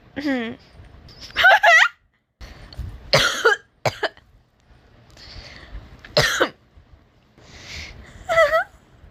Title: Laughing ALOT + some cough + some clearing throats